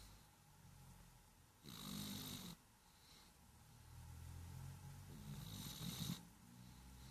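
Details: Squishy, a small 7 lb cat with cerebellar hypoplasia and asthma, snoring: two soft, wet, snorting breaths over low background hum; a mighty snore for her size.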